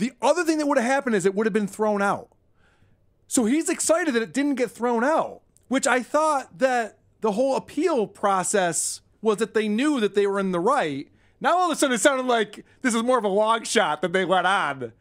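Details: Adult; typical speech.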